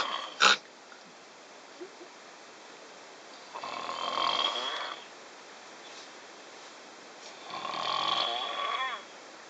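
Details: Person sleeping on the Trans-Siberian train in Russia, 2011: two drawn-out rasping breaths about four seconds apart over steady train rumble; snoring.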